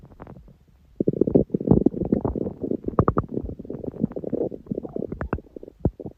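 Long run of bubbling, gurgling rumbles from the belly: ordinary stomach growling from gas and fluid moving through the gut.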